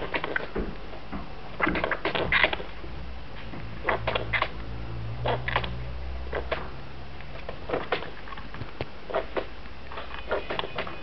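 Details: Pet rat with repeated sneezing, owner unsure whether a vet visit is needed: quick, faint sneezing bursts, about a dozen in eleven seconds, in a quiet room.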